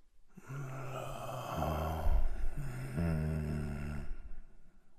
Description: Male Sick Breathing Sound Effect / Man Feeling Ill With Heavy Breath Sounds / Sleep Snoring Noises